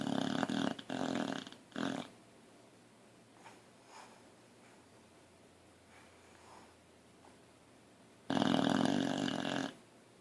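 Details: Boxer dog in deep sleep, twitching: loud rattling snores with quiet snuffles between them in a small room; snoring.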